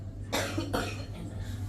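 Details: Cough from a parent who is sick with a cough, heard while someone eats a meal: two short, harsh cough bursts about 0.4 seconds apart over a low background hum.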